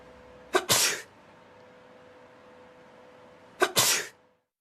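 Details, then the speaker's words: Sneezing in a droplet-spread experiment with laser beams and a high-sensitivity camera: two forceful sneezes, each a quick in-breath catch then a loud explosive burst, over faint hum; sneeze. "this technology allows us to detect droplets as small as 0.1 micrometers wide the experiment starts first sneezing"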